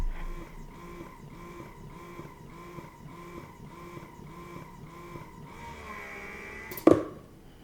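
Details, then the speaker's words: Idaho Jones Twain electric breast pump in combo mode at levels four to six, alternating fast and slow: steady rhythmic motor hum cycling about every half second, ending with a sharp click; normal pump operation. "then you hear it switch to slow so I'll go up kind of that you hear something in the middle this is four so this is going faster then you hear slower this is six I'll let you hear"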